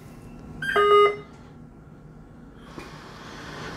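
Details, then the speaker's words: Philips V60 NIPPV/BiPAP device set up as a mechanical ventilator, just after pressing start: a short electronic beep against room noise. Routine start-up alarm that appears every time; ventilator start-up alarm. "so initially comes up you're going to see some stuff at the top alarms silence alarm review sorry alarm reset informational messages this comes up every single time so let's do a silence on this right now"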